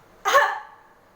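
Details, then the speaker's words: Adult woman in a nursing demonstration of deep breathing and effective cough for sputum sampling: after deep breaths, a single short, forceful voluntary cough to bring up sputum for lab testing. "Yang terakhir dibatukan dengan kencang ya, Bu ya, supaya darahnya keluar ya. 1, 2, 3, tarik nafas, keluarin."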